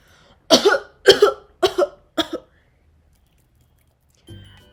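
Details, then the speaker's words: Medical student acting out the wrong way to cough, uncovered, in a cough-etiquette demonstration: four loud coughs in quick succession, each with a double burst. "Yap, cara batuk yang tadi tuh totally wrong ya guys. Jadi, kenapa salah?"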